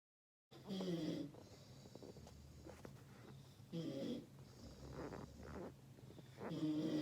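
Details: A roommate snoring while asleep: rough, snorting breath noises recurring about every three seconds over a low hum.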